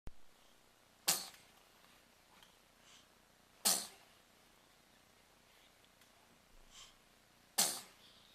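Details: A person sneezing three times: three sharp, explosive sneezes a few seconds apart in a quiet room.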